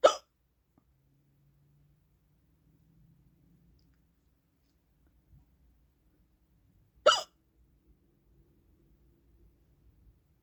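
Two abrupt, sharp hiccups about seven seconds apart, with near silence between them.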